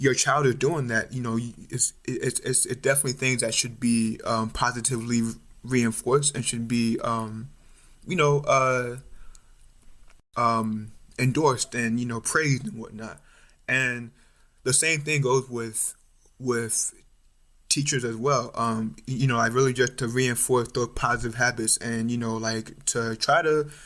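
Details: Stuttering in an adult male medical student; it became more pronounced around age 6 or 7, his mother and uncles also stutter, and it is now more overt, with blocks and facial tension.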